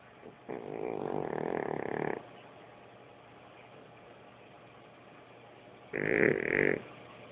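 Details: Sleeping cat snoring: two long rattling, snorting breath sounds separated by a quiet pause.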